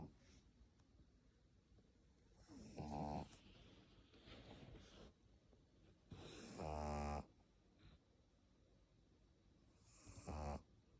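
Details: Short, rattling snores with snuffly, noisy breathing between them from a pet pug, a flat-faced dog: snoring.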